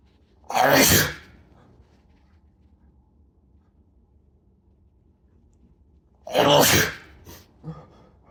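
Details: Man inducing sneezes after a shower: two loud, explosive sneezes about six seconds apart, with a small after-sound following the second.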